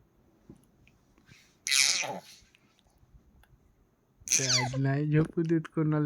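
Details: Baby coughing.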